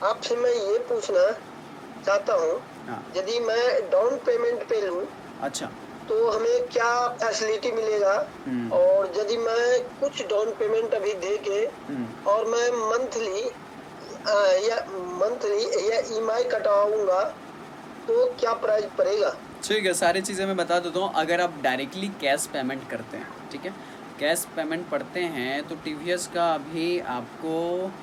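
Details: 29-year-old man in a stammering therapy session; long pauses and blocks during his introduction, described as body freezing, getting stuck and breath stopping while speaking; stuttering.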